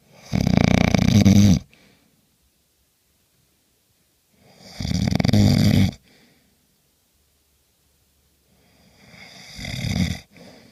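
Loud, rough, rattling snores on breathing in, about one every four to five seconds, with quiet pauses between them.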